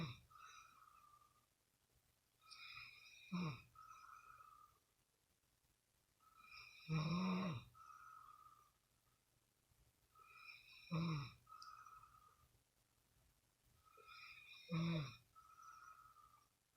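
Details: Adult man sleeping: regular rattling snores on each breath, about 16 a minute, with quieter breathing between them over a faint low hum; snoring.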